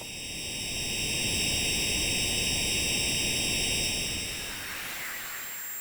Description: People with tinnitus talk about the noises they hear over electronic recreations of their tinnitus sounds such as buzzing and ringing in the.